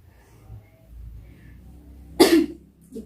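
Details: Effective cough technique demonstration by a nursing student for sputum collection: quiet deep breathing, then one strong, forceful cough to clear mucus from the airways.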